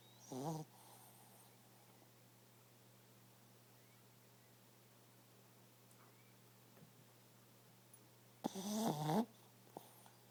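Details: Sleeping dog snoring: two brief snorting snores several seconds apart in a quiet room.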